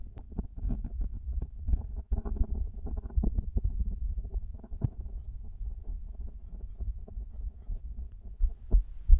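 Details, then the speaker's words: Heart sounds of a man recorded first at rest, then while doing sit-ups; fast, low heartbeats quickening with exertion, partly masked by rustling and body-movement noise. "今日は腹筋をしている時の心音を取っていきたいと思います。腹筋している時の心音は初めてなので、ぜひ聞いて楽しんでいただけると嬉しいです。"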